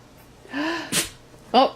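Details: Dog sneezing, with owner praising it between sneezes; sneeze.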